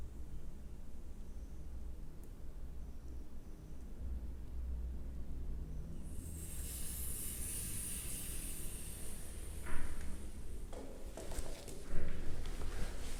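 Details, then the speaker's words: Manual auscultatory blood pressure measurement: after inflating the cuff to 130–140 mmHg, a steady air hiss as the cuff is fully deflated, with handling clicks over a low room rumble. "tão logo termina desinsuflar totalmente o manguito essa medida"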